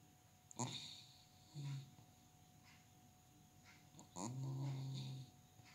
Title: My Dog Kucrit Snoring 🔊